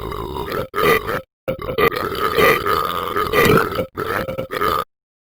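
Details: A person burping: long, loud, rumbling burps in several drawn-out stretches with brief breaks between them.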